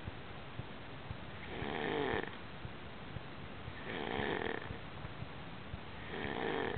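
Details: Snoring during sleep: three slow, rough inspiratory snores about 2 seconds apart over quiet breathing.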